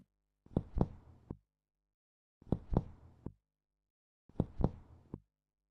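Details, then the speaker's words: Resonant percussion note: loud, low-pitched, long, hollow finger-percussion taps over the chest, typical of air-filled lung. "Resonant sounds are often heard in air-filled areas, like the lung."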